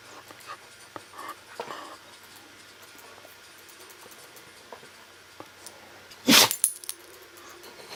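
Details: Sneezing fit in a pet called Littles: soft snuffling in a quiet room, then one loud, sharp sneeze and a smaller follow-up burst.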